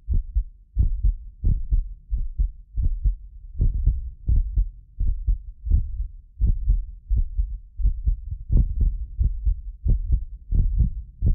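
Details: Heartbeat of a self-described medically fit person, recorded with more than six precision contact microphones; steady low lub-dub about 85 a minute, occasional doubled clicks from the roughly 6 ms microphone delay, not the heart; normal heart sounds.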